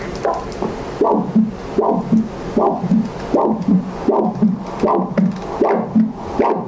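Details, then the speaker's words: Ankle brachial index exam with a Doppler ultrasound machine, patient lying supine, on the right brachial artery at the antecubital fossa: regular whooshing pulses, about 78 a minute, with a three-part swish. This is a normal triphasic arterial waveform with maximum velocity 77. "have a nice triphasic waveform with the right breaker r3 with the maximum velocity raised to 77."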